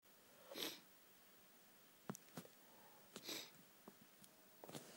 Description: tortured sneezy nose at christmas.... Happy Christmas x